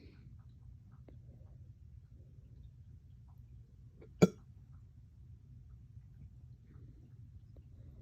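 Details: Painful hiccup-burps that hurt the chest, starting after a dog walk and drinking water too fast: a single abrupt, gulping hiccup-like burst in a quiet room; a hiccup with belching.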